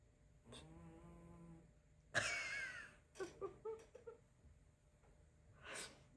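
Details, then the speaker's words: A cat, which the owner suspects has a deviated nasal septum and which snores constantly, even awake, snores with a tonal buzzing on inhalation, then a harsh snort and short noisy breaths, in a quiet room. "Oh bébé, tu ronfles. C'est pas moi, c'est le chat qui fait des r de bruit. Il ronfle comme un humain mais vraiment."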